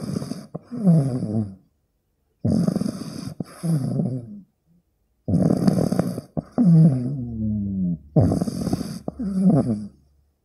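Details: 15-week-old pug puppy recorded snoring loudly while sleeping; snoring.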